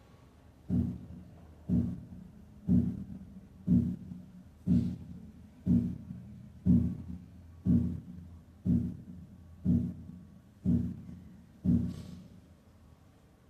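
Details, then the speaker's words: Split heart sound at 60 beats per minute with a 0.04-second interval between components, part of a series from a single sound through 0.02 to 0.08 s splits. "para reconocer los sonidos duplicados los escucharemos con distintos intervalos comenzando con un ruido cardíaco único a razón de 60 ratios por minuto intervalo de 0.02 segundos intervalo de 0.04"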